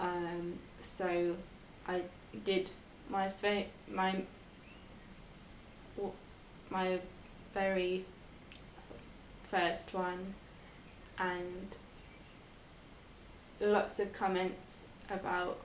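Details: Expressive aphasia in a 22-year-old woman after a stroke at age 18, four years earlier; speech improved, reading, writing and numbers still difficult; expressive aphasia.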